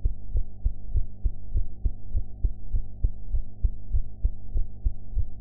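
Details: Own heart sounds recorded after eating, with improved sound quality: steady, deep heartbeat thumps at about 100 per minute with a low hum underneath.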